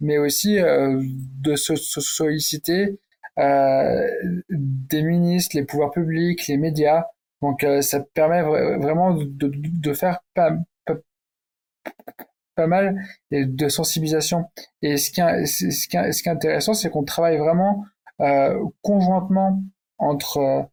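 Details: Stuttering in an adult man who stutters, speaking French.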